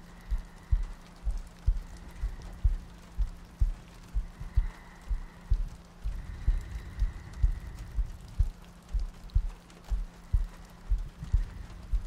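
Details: Steady soft low heartbeat thumps at about 62 a minute under rain and a faint hum, from a looped ASMR sleep-aid recording with soft breathing and rain ambience.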